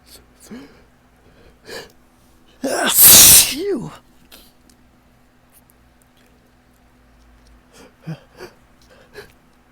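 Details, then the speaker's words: Adult with ragweed pollen allergy on a windy morning: hitching, gasping build-up, then one loud, wet, drawn-out sneeze followed by panting breaths, in a series of uncontrollable sneezes. "Oh my goodness, it just takes over so completely. My nose just takes over. I just can't stop."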